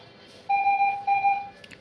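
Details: Two steady electronic beeps over low room noise, alarm tones from an ICU ventilator during setup and start-up, set to tidal volume 450, PEEP 4–5 and respiratory rate about 16.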